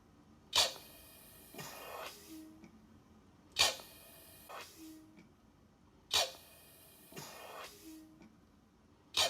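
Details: Eurus low-cost emergency ventilator, a manual resuscitator actuated by a blood-pressure cuff, cycling. A sharp air hiss, then a softer whoosh and valve clicks, repeating about every 2.5 seconds.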